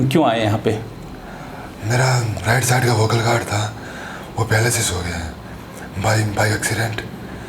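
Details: 20-year-old man with unilateral vocal cord paralysis and a phonatory gap, pre-therapy sample recorded before 8 days of voice therapy; breathy dysphonia (unilateral vocal fold paralysis).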